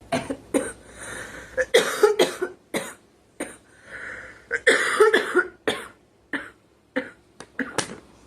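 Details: Girl coughing and clearing her throat while talking; she remarks she is smoking and choking: cough.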